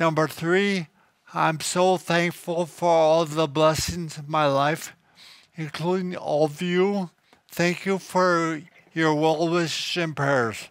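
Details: Adult man (2023) diagnosed with cerebellar ataxia, thought to be genetic and expected to worsen, affecting speech, coordination, balance and writing, with slow walking and stumbling, not thinking: ataxic dysarthria.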